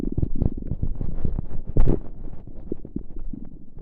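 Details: Ordinary bowel sounds: continuous deep gurgling and bubbling rumbles from the abdomen, recorded without pressing on the tummy.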